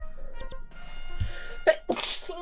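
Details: VTuber livestreamer giving a quick indrawn breath then one sharp explosive sneeze, over soft background music, followed by an apology; sneezing.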